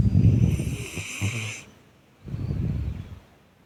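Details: A cat hugging its owner's hand while asleep gives two short, soft fluttering snores with a brief pause between and a faint high squeak; snoring.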